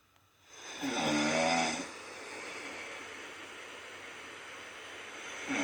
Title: myself snoring 😴, no good